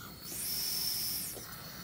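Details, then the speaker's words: Breath-activated ER nebulizer with mouthpiece, run from wall supply at six liters: steady soft hiss rising and falling over about a second, misting medication only while the patient sucks in; nebulizer running. "we run at six liters six liters so then when you suck in"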